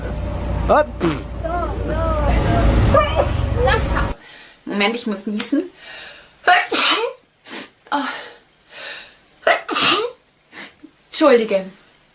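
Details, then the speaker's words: Young woman with allergies/sinus issues: music and room noise, then a fit of short, sharp, powerful repeated sneezes with gasps between them. "I'm going to I have a sneezing issue I'm sorry guys"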